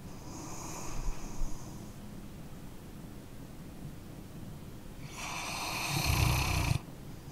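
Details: Sleeping dog snoring: soft, wheezy whistling breaths with a brief low snort over steady room hiss.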